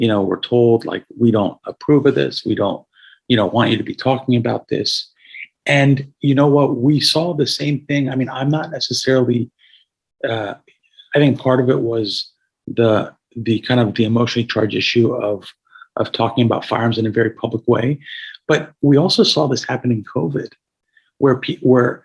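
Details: Adult man with a paralyzed vocal cord after a gunshot injury at age 17 that caused a carotid injury and tracheal rupture, with a tracheostomy tube for about 6 months after discharge; some raspiness; hoarse voice from vocal cord paralysis.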